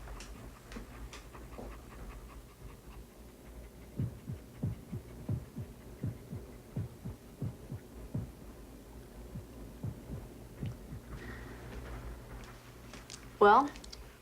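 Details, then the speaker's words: Female dog auscultated with a stethoscope; lungs sound okay but a heart murmur is heard among low thumping beats, possibly from valves not closing properly or another heart abnormality. "lungs sound okay but I do hear a heart murmur what's a murmur murmur is an abnormal heart sound it could mean that the heart valves aren't closing properly or that there's some other abnormality in the heart"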